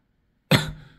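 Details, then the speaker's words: Single short, forceful cough from an adult man who reports a lot of lung coughing after inhaling something bad, possibly methane-like gas, coughing from the throat. "요걸 이제 딱 이렇게 한번 한쪽 갖다 놓고 렇게 딱 해보면 뭐 그런 거 필요 없이이 이렇게 하면 벌써 목에서부터 요런 식으로 이렇게 기침이 나오고 목도"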